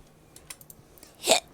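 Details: A single abrupt hiccup from a female streamer after soft clicking noise in a quiet room; hiccups.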